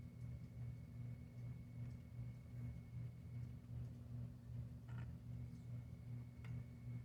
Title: snoring kitten